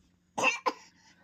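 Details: A young boy imitates his older sister's cough with two short, sharp bursts in quick succession; a deliberate, play-acted dry cough.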